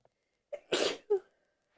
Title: achoo :) (sneezes and stifles)